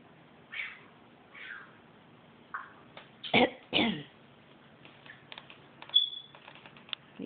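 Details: Houdini, an African Grey parrot, mimics a human cough and throat clearing on command: soft rasps, then two sharp cough-like bursts.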